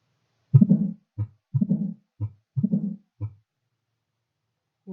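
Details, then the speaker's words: Simulated heart sounds at about 60 beats a minute from a Portuguese-language teaching lecture on murmurs: a low diastolic rumble after the second sound, the murmur of mitral stenosis. "neste slide mostramos o sopro da estenose vitral também chamado de ruflar de histórico"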